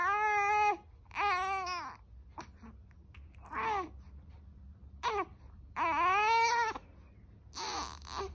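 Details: Infant at 5:33 am, noted to be burping every time, gives short voiced wails and fussing cries separated by pauses in a quiet room: ordinary infant crying.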